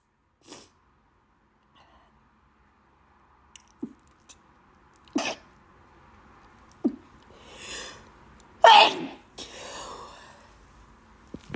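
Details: Person with really bad allergies: several forceful sneezes with sharp inhalations between them.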